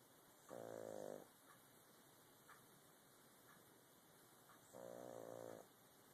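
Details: Pug (flat-faced dog) snoring: two loud, tonal snores about four seconds apart with faint noises between them.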